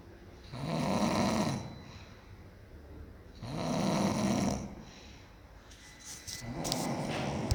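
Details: Two loud, rough inspiratory snores about four seconds long, spaced regularly at roughly 20 breaths a minute; snoring.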